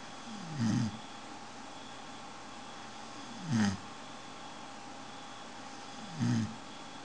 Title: Funny dog snores so incredible:))))i can't belive it!!